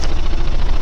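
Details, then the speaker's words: High-frequency chest wall oscillation vest used for about 20 minutes by a C5 quadriplegic with paralysed abdominal muscles to aid coughing: loud, steady low rumbling with rapid pulsing, shaking the chest to loosen secretions. "i just thought i'd share this to you it literally shakes me and usually i do about um 20 minutes at a time of this"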